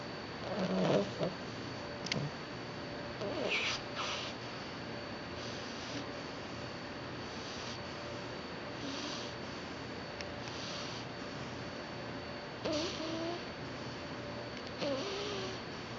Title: Snoring Bulldog Puppy